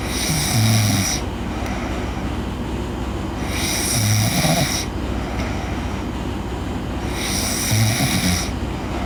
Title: Girl Sleep Snoring